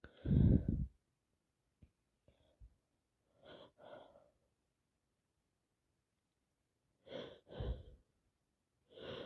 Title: wet snotty sneezes been sneezing and sneezing all day long